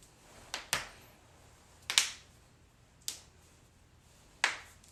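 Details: Back adjustment: several sharp, crisp pops in quick succession, typical harmless joint cracking (cavitation).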